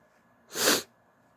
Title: Stifled and wet sneezes (F)